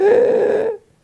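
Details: Imitated inspiratory noise of laryngospasm, in which the vocal folds spasm closed and shut off air while the person tries to breathe in, often called a choking attack; real episodes typically last 30-90 seconds; laryngospasm inspiratory noise (imitated).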